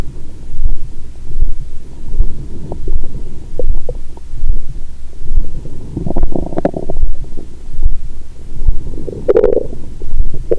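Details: After 22 hours of fasting followed by a Christmas dinner with wine, the abdomen heard through a stethoscope gives constant low gurgling and rumbling over a fast steady thump, with the heart said to be racing from alcohol: active bowel sounds.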